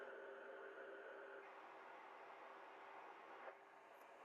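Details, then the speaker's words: Philips Respironics cough assist connected directly to a patient's tracheostomy after suctioning, therapy mode with five-breath cycles: steady whooshing airflow shifting tone between push and pull phases: mechanical insufflation-exsufflation device running. "Turn your machine on. Press the therapy button. The machine will do everything for you."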